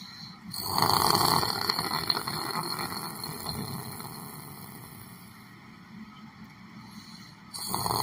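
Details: Person sleeping while sitting in a chair at a Bronx library center, snoring: rough, rattling snores rising and fading over several seconds in a noisy public room.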